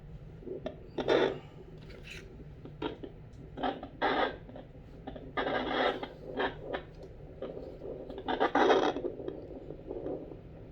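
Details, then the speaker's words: Adult's own heartbeat through a mini battery-powered home fetal Doppler placed on the chest: rasping, whooshing pulses, irregularly spaced with static. Reported heart rate is 83 beats a minute. "能听啊。那此时此刻我的心跳是83下每分钟，80几下。"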